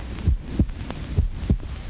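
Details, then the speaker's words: Deep, regular paired thumps of a human heartbeat, about 100 beats a minute, electrically picked up and amplified about 1,000,000 times; a 1937 film recording of a heartbeat. "Actually, it is the sound of a human heart which science can amplify 1,000,000 times, just as sound can be amplified by measuring instruments in factories to make sure that gears are smooth."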